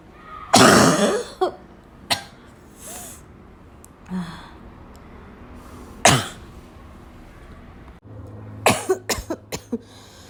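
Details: Afternoon coughing fit in a girl, starting weak and gradually becoming violent: repeated harsh coughs mixed with throat clearing and snorts, ending in a rapid cluster of several coughs in a quiet room.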